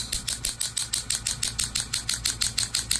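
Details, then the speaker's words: Low-level shockwave therapy on the right ankle for a partial tendon tear seen on MRI, with chronic pain; frequency increased near the end: rapid, regular sharp clicking pulses, about six per second. "we're just going to bump up the frequency a little bit as everyone can hear it now and we're almost done here another another couple of shocks"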